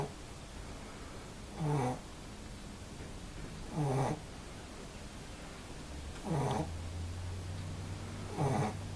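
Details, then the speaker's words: Regular snoring from a sleeping dog in the background during a yoga lesson, four snores in nine seconds, about one every two to three seconds, with a faint background hum. "that sound you can hear in the background probably is my dog snoring cuba the yoga dog doing restorative yoga of her own"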